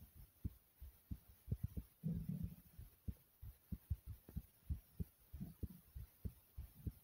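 Steady low thumps in regular pairs, roughly 75 to 80 a minute, with faint background hum; an ordinary heartbeat.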